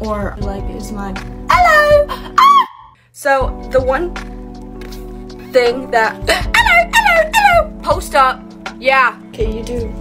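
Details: Young woman diagnosed with Tourette syndrome at the Mayo Clinic at age 18, now 19; clip from a compilation tracing her tic progression, with repeated involuntary phrases and obscene words; vocal tics (Tourette syndrome).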